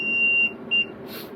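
A long steady electronic tone then a shorter beep as a transport ventilator powers on; normal start-up alarm.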